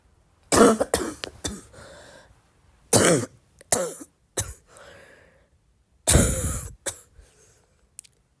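Repeated coughing in several bouts with throaty, rattly clearing between them; a cough that sounds loose and productive.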